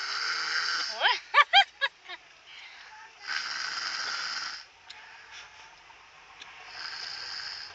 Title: Baby Snores Like A Grown Up